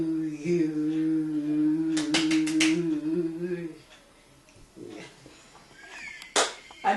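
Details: Woman with aphasia after a left-brain stroke who lost her speech and now has about 90 words after 12 months of music therapy, singing Happy Birthday and holding a note in melodic intonation therapy; aphasia after stroke.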